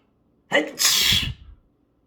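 A single sneeze: a short indrawn breath, then a loud hissing burst that dies away quickly.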